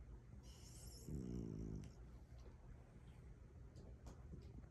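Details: French bulldog snoring while asleep with eyes open: one short, rough snoring breath over low room noise, then soft snuffly breathing.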